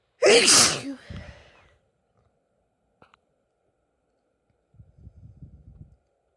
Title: Recent female sneezes - a compilation